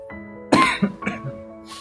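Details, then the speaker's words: An adult gives a sharp cough followed by two smaller coughing bursts, with soft music behind; the speaker attributes the frequent coughing to being unwell from a change in weather. "Eh, sorry ya kalau suaraku banyak batuk-batuknya. Saya lagi musim ya, lagi usim karena perubahan cuaca, Lur."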